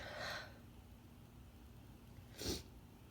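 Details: Female with a bad cold/sinus infection stifling intense sneezes: two short, muffled, harsh held-in sneezes against steady background hiss.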